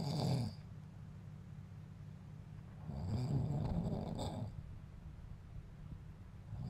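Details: Adult man (father) secretly recorded asleep by his son; snores daily but denies it: snoring.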